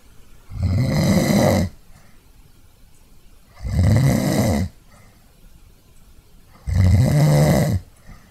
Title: Snoring HD